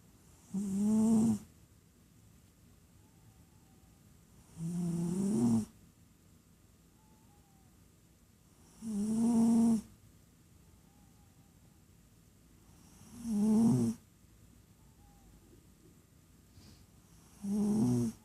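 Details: Snoring during sleep: regular, fluttering snores about every four seconds, roughly 14 breaths a minute, with near-silence between them.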